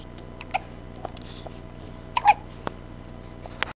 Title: Hiccups.